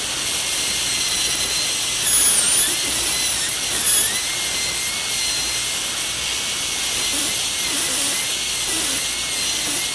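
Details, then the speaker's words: Continuous very high-pitched whine with brief dips under load as a high-speed carbide bur cuts buccal depth grooves at the cusp tip of a dentiform mandibular molar during a full cast gold crown preparation. "Note that a portion of the carbide remains visible beyond the surface which is being cut."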